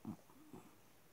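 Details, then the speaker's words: Person snoring audibly in the background of a spoken recording, described as snoring well: snoring. "Vous entendez ronfler, il ronfle bien."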